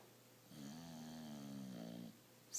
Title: Snoring